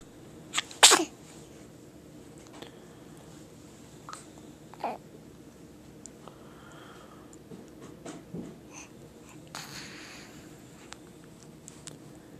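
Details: A person sneezing: one sharp, hissing sneeze near the start, followed by softer sniffs and snorts.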